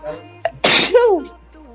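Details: A man gives a single sharp, explosive sneeze with a brief voiced tail over faint background music; someone says "Bless you".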